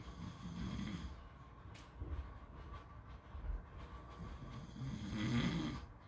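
Low, rough snoring breaths over steady rumbling background noise, perhaps surf or wind; snoring during sleep.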